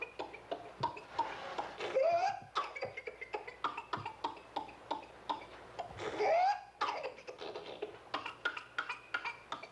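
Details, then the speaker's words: Child in the paroxysmal stage of pertussis: rapid runs of short coughs broken by high-pitched, drawn-in inspiratory whoops. "the sound of a whoop and the misery of a child with full-blown pertussis is something you do not quickly forget once you have seen it here is a videotape of a child and the paroxysmal stage in case you have not seen or heard it before"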